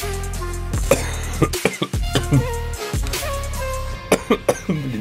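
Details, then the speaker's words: Several short, sharp coughs from an adult woman who is ill with a sore throat, recorded while reacting to a video over background music. "У меня самые эксклюзивные реакции со всеми честными эмоциями. Я болею, поэтому слушайте мой кашель."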